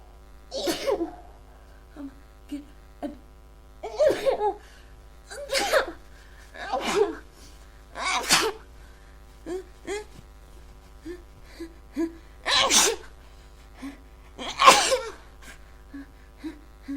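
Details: Sneezing fit: about seven forceful, explosive sneezes in quick succession, separated by short gasps and murmurs; the person is unsure whether it is a cold or allergies.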